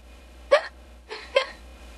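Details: Streamer gets the hiccups while streaming: two sharp, abrupt vocal catches about a second apart between speech, typical hiccups; audio reused in an AI-made character video.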